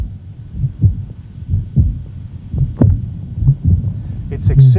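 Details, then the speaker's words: Woman with an abnormal mitral valve; regular heart sounds near 65 a minute, then a loud musical honk that changes with her breathing effort: honking tricuspid regurgitation murmur. "by her ventilatory effort because of the increase in right ventricular blood volume it has a very distinctive character it says like a honk"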